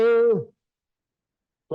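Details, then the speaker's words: A single steady electronic tone of about half a second from a training AED during the shock-advised sequence after rhythm analysis, in a live CPR training seminar, followed by silence. "analyzing heart rhythm got it shock advis do not touch the patient everyone clear"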